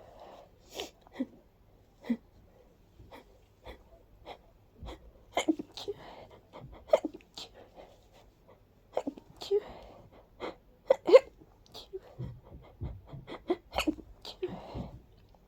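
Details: Person with severe allergies, feeling light-headed after: a long run of small, breathy, quickly repeated sneezes with soft catching breaths between them.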